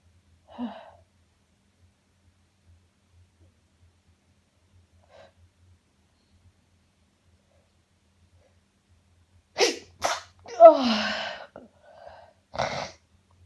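Quiet catch of breath, then a quick run of about three forceful sneezes in succession; a sneezing fit.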